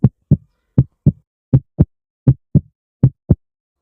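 Regular lub-dub heart sounds at about 80 beats a minute, a normal heartbeat through a stethoscope.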